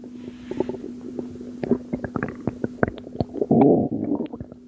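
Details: Gurgling and bubbling from the belly of a postpartum mother with water weight, recorded at 2am, with many short pops and a longer rumble near the end; stomach rumbling.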